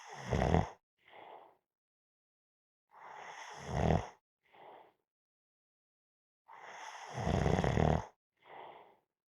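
Three loud rasping snores on the in-breath, each followed by a softer out-breath, about every 3.5 seconds; ordinary snoring in sleep.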